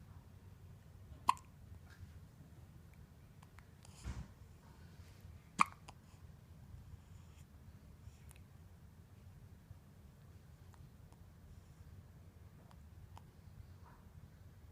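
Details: Baby girl hiccuping: soft, brief, sharp catches at irregular intervals, roughly three to four in the clip, over quiet room noise.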